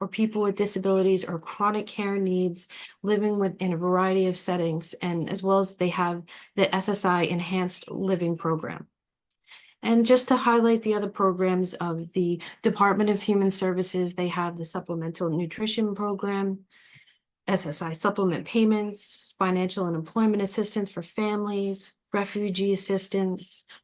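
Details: Adult woman speaking; normal speech.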